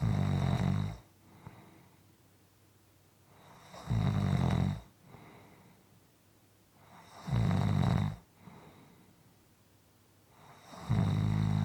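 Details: Steady snoring over a 6¼-minute clip: regular low, rumbling snores on each inhalation, about 18 a minute, with quiet exhalations between.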